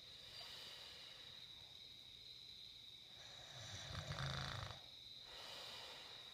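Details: Man snoring: a single rough, rumbling snore against a steady hiss of room noise.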